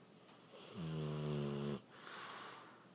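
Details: Dog sleeping: one loud, buzzing snore on the in-breath followed by a softer, breathy out-breath; snoring.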